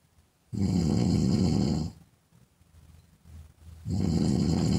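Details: Woman snoring: two long, rough, low rattling inhalations with a quiet breathy exhale between them.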